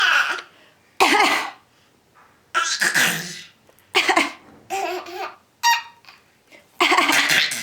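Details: A young boy gives a series of deliberate, voiced fake cough sounds that blend into laughter-like bursts.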